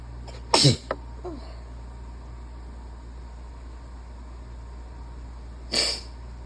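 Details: Person still sick with a cold: two loud, explosive, wet, barky sneezes about five seconds apart with a small catch between, the slow start of a sneezing fit.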